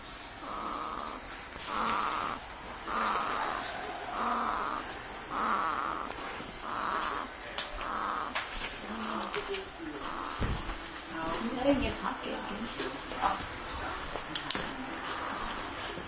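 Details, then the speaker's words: 2-week-old baby girl asleep: soft, regular snoring noises about every 1.5 seconds, faint room noise and movement sounds; snoring. "She snores like her daddy. I'm telling you. That's your daughter."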